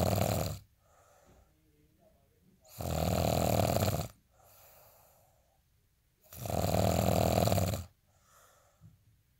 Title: day in life snoring asmr sound 241